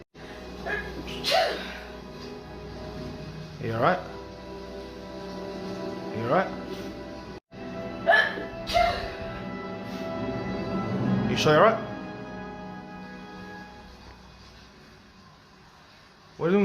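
About six short, abrupt voiced gulps in 16 seconds over background music; hiccups.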